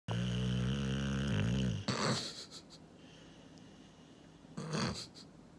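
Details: Snoring from Sunny, a sleeping German boxer dog; snoring.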